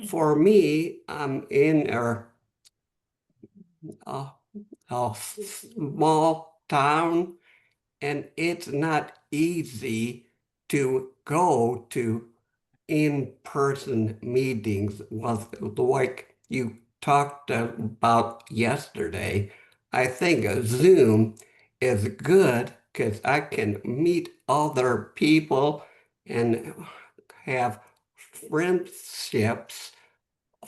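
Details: Real adult male with aphasia after a stroke 11 months earlier; at first he could say only one word, and after three or four months he could speak a little; aphasia.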